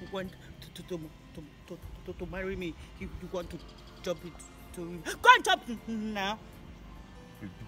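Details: Adult speakers, acted comedy skit; stuttering (acted).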